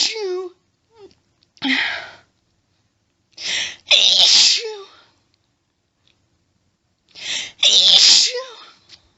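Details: Woman's allergic sneezing fit: repeated sneezes with audible hitching breaths building up before each burst.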